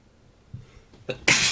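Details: Brief quiet inhalations build to a single sharp, hissing sneeze, deliberately triggered by tickling the nose with a tissue; a normal sneeze.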